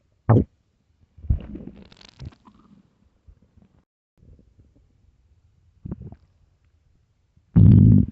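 Loud low gurgling rumbles separated by quiet gaps; stomach growling from an empty, hungry stomach.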